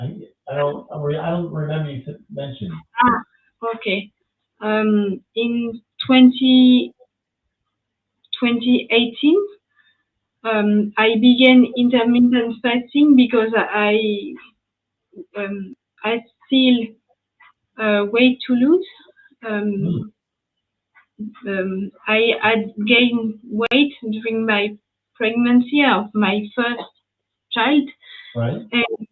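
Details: Post-stroke aphasia in a French woman speaking English, after an ischemic stroke at age 22 in July 2011; mute for 10 days, one year of rehabilitation, then spoke very badly even in her native language; speech still recovering.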